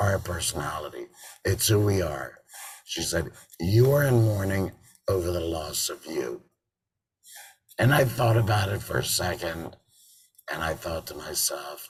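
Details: Adult man with total laryngectomy in February 2019 and a tracheoesophageal voice prosthesis since September 2019, sometimes also using an electrolarynx: tracheoesophageal speech after total laryngectomy.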